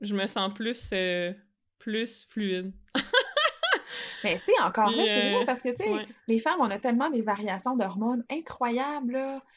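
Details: Adult woman speaking French; typical speech.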